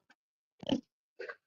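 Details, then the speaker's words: Dog snoring loudly in the background of a live stream: short, harsh snorting breaths in a quiet room; snoring. "I don't know if y'all hear that or not. My dog's over snoring loud."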